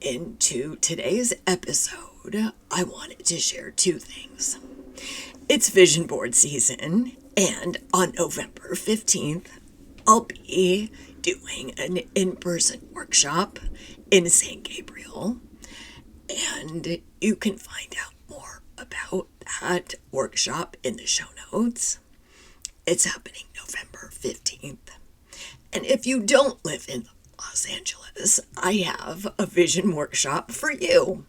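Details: Woman who identifies with the spasmodic dysphonia community, describes her voice condition as neurological and long-standing enough to feel normal, and reports frequently not being understood on the phone; spasmodic dysphonia.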